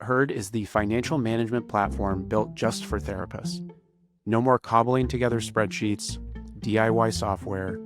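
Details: Adult male speaker; normal voice.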